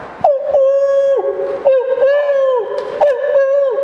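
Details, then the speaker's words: Hollow, bottle-like hooting tones imitated by voice, mimicking amphoric breathing (soplo anfórico), described as indicating pneumothorax; amphoric breath sound, simulated. "es el soplo anfóricos y ese soplo traduce un neumotórax"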